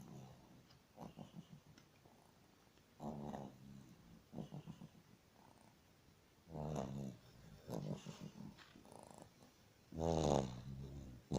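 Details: Old dog snoring loudly while asleep at night: irregular rumbling, snorting breaths, a few louder drawn-out ones among softer snuffles.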